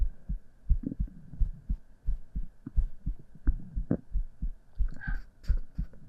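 Low, soft paired thumps repeat steadily at about 86 beats a minute over a faint steady hum, with a brief rustle near the end: heartbeat.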